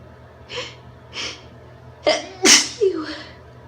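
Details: Induced sneezes from a female: quick sharp intakes followed by a burst of forceful, deliberately induced sneezes.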